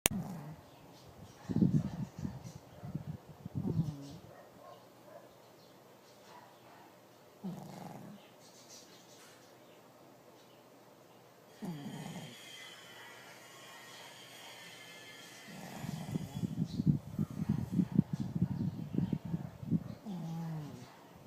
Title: Princess Snoring